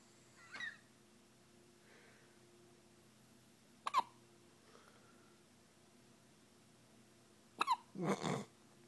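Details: Sleeping pet with hiccups, probably a cat: brief, sharp hiccup-like chirps recurring irregularly in a quiet room.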